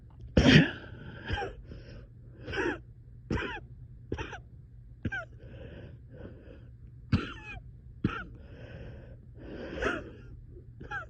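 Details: Night-time coughing fit at 3am, about ten harsh coughs with strained, wheezy breaths between, with reported shortness of breath.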